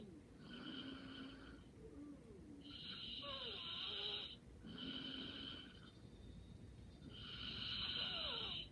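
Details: Soft, whistling, higher-pitched breathing in slow cycles, about 14 a minute; light snoring while sleeping soundly.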